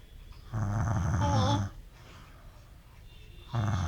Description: Here Tired Daddy sleeping beside his 6 month old baby and video showing how she get annoyed by snoring of Daddy.